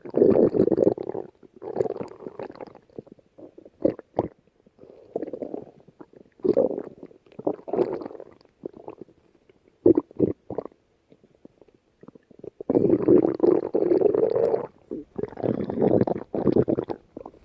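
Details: Long, low gurgling and rumbling runs with short squelches; ordinary stomach growling (borborygmi).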